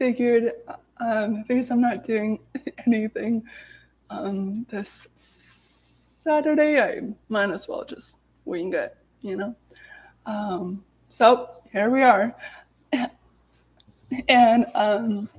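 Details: Adult woman with lifelong stuttering present every day, severe in childhood, with speech blocks and particular difficulty on S-words, speaking spontaneously; stuttering.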